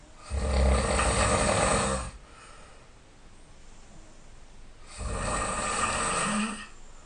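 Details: Two loud, rough, low snores about three seconds apart with quiet breathing between; heavy snoring during sleep.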